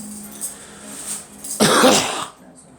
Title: Me coughing